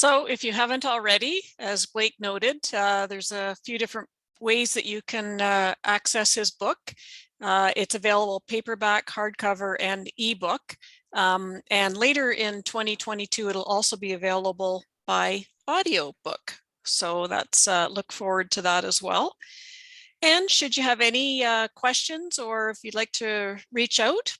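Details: Adult female speaker; normal speech.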